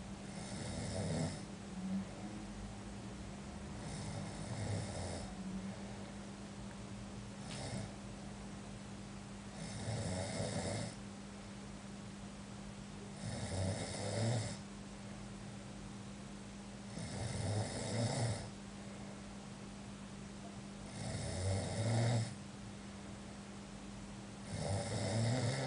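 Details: Sleeping animal named Coka: rhythmic rattling snores, about 16 a minute, over a steady background hum; snoring.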